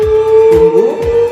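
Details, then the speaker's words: A steady, high electronic alarm tone from a defibrillator charged to 100 joules, signalling it is ready to shock; both discharge buttons are then pressed together. "sampai lagi monitor 100 Julian ada alarmnya setelah itu tekan berbarengan"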